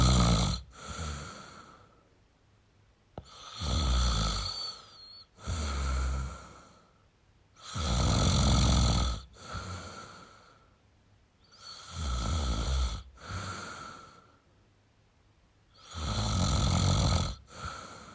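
Loud, rough snores on breathing in, about 14 breaths a minute, with quieter breaths out; ordinary heavy snoring.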